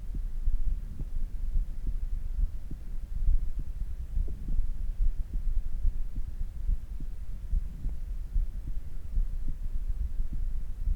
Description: 運動後の徐々に普通の拍動にもどっていく心音です